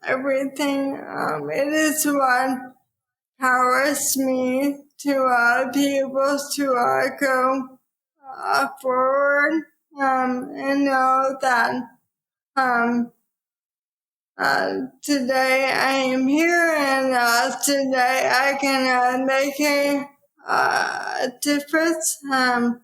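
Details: Dysarthria in an adult woman with probable ALS, diagnosed in 2014 at age 33 after rapid onset (half Ironman to needing a cane within six months); about ten years since diagnosis; real speech.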